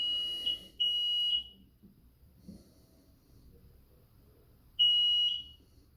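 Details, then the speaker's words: Low water level alarm on a Blanketrol III hyper/hypothermia unit: repeated shrill electronic beeps with silent gaps between bursts. It sounds after the self-test because the unit has no water, and a visual indicator flashes with it. "o alarme visual nível de água abaixo já está piscando e o som pra vocês estão ouvindo é é da falta de água"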